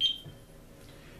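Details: Aitecs 12S Pro syringe pump starting a propofol anaesthesia infusion at 80 micrograms/kg/min: one short high beep as the infusion starts, then quiet room sound.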